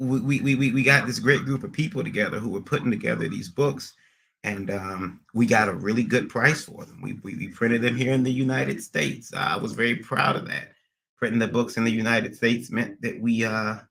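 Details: Adult man with a recent transient ischaemic attack, MRI showing some damage, seeing a neurologist and receiving physical, occupational and speech therapy; speech not fully recovered and he stutters occasionally; acquired stuttering after transient ischaemic attack.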